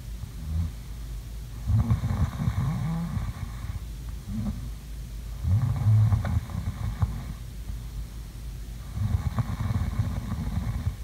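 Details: Person sleeping, recorded as ASMR sleep sounds: deep, low, rattling snores on each in-breath at about 16 per minute, with quieter pauses between them; ordinary snoring.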